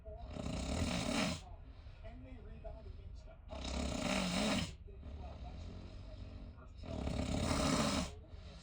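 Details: A person snoring in a shared cruise cabin: loud, rough snores on each breath in, about 18 a minute, with quieter breathing between.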